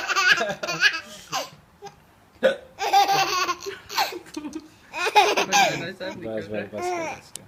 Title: Baby laughing on hiccups